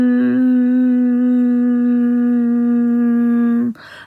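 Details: Humming voice therapy exercise from her therapist, performed by a woman with muscle tension dysphonia (tight, stressed muscles around the vocal cords) arising after COVID pneumonia.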